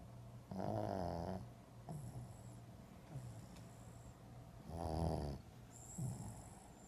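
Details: Low, rumbling snores with quieter breaths between them, from a sleeper breathing noisily; snoring.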